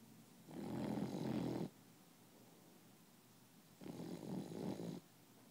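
Two rough, rattling snores about three seconds apart from a sleeping animal in a quiet room.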